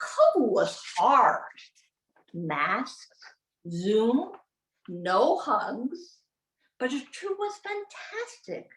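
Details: Aphasia in an adult woman, a former congresswoman, acquired from a gunshot wound to the head in January 2011; she introduces herself.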